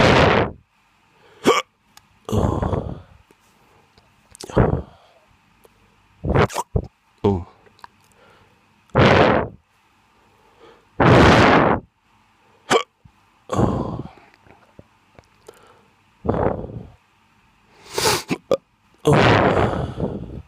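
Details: Drunk hiccups: sharp, abrupt hiccups every one to two seconds, about a dozen over twenty seconds, some with a short voiced catch.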